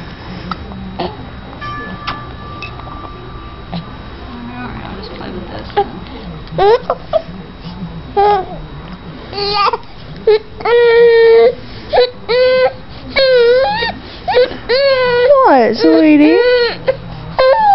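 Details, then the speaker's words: Five-month-old infant with hiccups fussing and crying in short wailing bursts after quieter sounds, with low room noise; infant cry. "You got too many things going on. The hiccups, the cries. The laughs. You're an emotional roller coaster."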